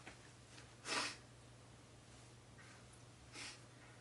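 Two short, sharp bursts of air through the nose in a quiet room, a snort or sneeze-like expulsion.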